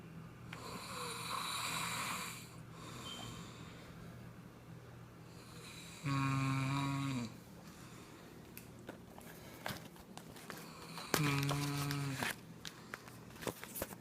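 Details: Snoring attributed to cigarettes: two loud, low rattling snores about five seconds apart against quiet room noise.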